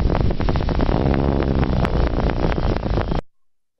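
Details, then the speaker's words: EMG recording in a lecture on myotonic dystrophy: rapid repetitive discharge waxing and waning in pitch and loudness, the dive-bomber sound of myotonia. "Acá hay un trazado de electromiografía para que escuchen el sonido de la miotonía. Una vez que uno se lo graba en la cabeza, es difícil de como un avión de guerra que está bajando. Entonces se dice que este potencial de miotonía aumenta y disminuye en intensidad y en frecuencia."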